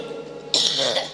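A single abrupt, harsh cough bursts out after a brief quiet stretch with faint background tones; an ordinary isolated cough.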